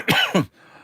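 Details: Two quick, harsh, voiced cough bursts in a quiet room from an adult who feels lethargic and unwell and says he still has the cough. Persistent cough.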